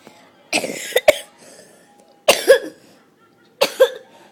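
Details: Child sneezing: three sudden explosive bursts, each with a sharp intake and forceful blast of air, with mucus afterwards.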